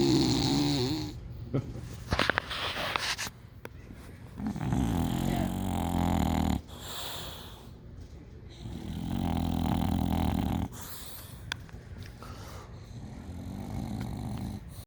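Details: Loud, rumbling, vibrating breaths in long drawn-out bursts, roughly four to five a minute, with quieter gaps, from two sleeping bulldogs; heavy snoring.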